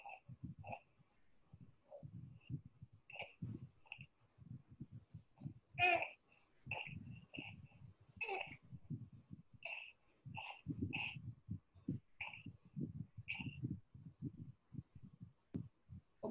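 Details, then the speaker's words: Child with noisy breathing present throughout, responding to nebulization: expiratory musical noisy breathing, not stridor, suggesting tracheal obstruction. "but this is actually something different which might be an active piece this child actually has music this video here and this tells me that this style will have some obstruction to trachea"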